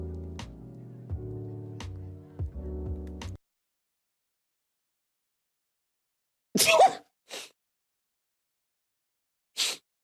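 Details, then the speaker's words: Streamer sneezing: music, silence, then a sharp explosive sneeze followed by two shorter sneeze-like bursts. "um but i need to sneeze so bad do it it's me i can't [ __ ] all right all right guys make sure to put that in the sneeze compilation i'm going to sneeze"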